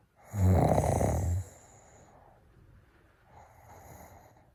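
A loud, low, rattling inhaled snore, then a quieter breath out; typical snoring.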